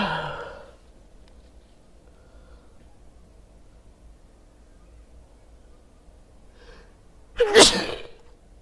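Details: An intake of breath and quiet room hum, then one loud, explosive ordinary sneeze from a person wearing headphones.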